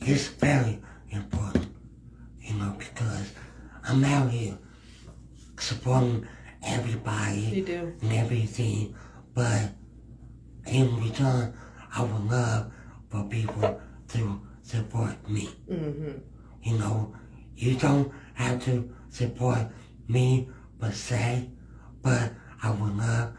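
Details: Man with cerebral palsy, described as having a speech impediment, speech issues being among his cerebral palsy effects; dysarthria.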